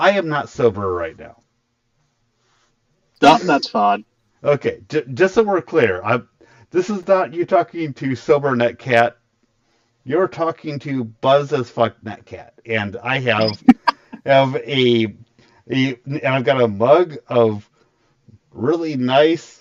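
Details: Stuttering in an adult male streamer with a very large stutter, partly controlled after extensive voice therapy, still present.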